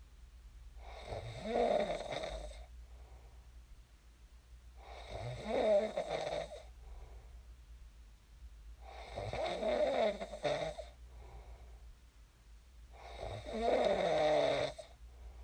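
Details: Real sleep snoring of a person who snored and then woke up: deep, rumbling snores, roughly 15 breaths a minute, each followed by a softer out-breath; regular snoring.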